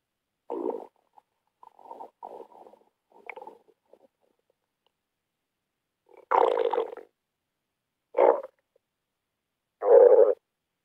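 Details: Irregular gurgling, rumbling bursts from a woman's belly; stomach growling (borborygmi).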